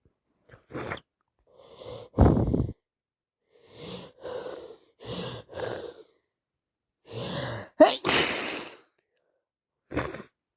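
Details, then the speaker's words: Adult sneezing nonstop for about an hour, unsure whether from a cold or allergies, nose constantly full: repeated wet sneezes with short breaths in between. "Just need to sit next to someone that doesn't mind me sneezing and sneezing, sneezing."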